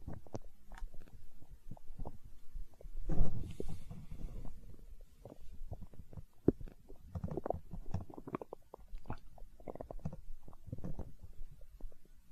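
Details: Stomach growl recorded for ASMR: continuous low gurgling and rumbling with bubbly pops; ordinary borborygmi.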